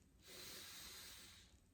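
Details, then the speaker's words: Normal breath sounds heard through the stethoscope diaphragm on the anterior chest of an adult male during a basic physical exam. One slow, deep inhale and exhale is heard as a soft, steady rush of air, with positions compared on both sides. "so using the diaphragm part of this i will have him inhale and exhale take a deep breath in and out and i will do it on both sides position one position two three"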